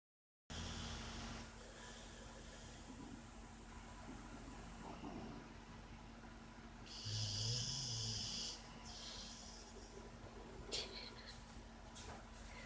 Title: Snoring puppy